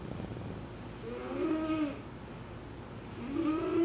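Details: Night-time snoring: two slow, rattling snores on the breath in, about two seconds apart, over a low room hum.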